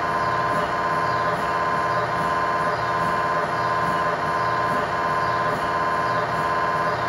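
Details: MRI scanner noise recorded inside the scan room of a GE Healthcare 1.5T or 3T system: loud steady mechanical buzzing with a fast regular knocking pulse, typical noise during a scan.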